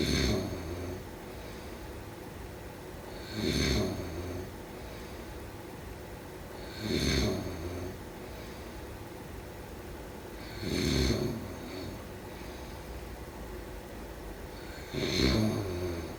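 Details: Slow, rattling snores about every four seconds, around 15 breaths a minute, over steady room hiss; snoring during sleep.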